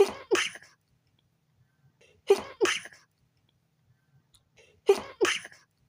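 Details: A midnight sneeze attack while trying to sleep, blamed on a sensitive nose: three explosive two-part sneezes in quick succession, each a sharp intake then a forceful burst; repeated sneezing.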